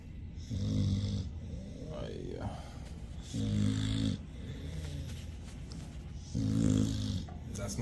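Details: Pitbull dog snoring loudly, rattling snores at roughly 22 breaths a minute, keeping its owner awake at night.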